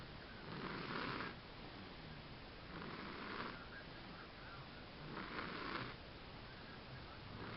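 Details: A person snoring: three soft, rough snores at a regular pace, about 26 a minute, over steady room hiss; ordinary snoring.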